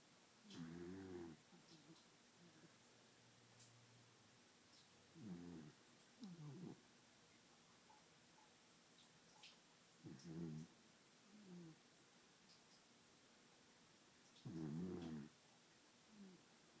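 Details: A sleeping dachshund snoring: soft, fluttering snores in irregular breaths, about 14 a minute, with faint whistling sounds between them.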